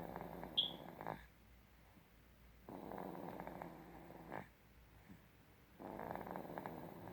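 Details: Light snoring: soft rasping breaths in and out with quiet pauses between, about three cycles in seven seconds.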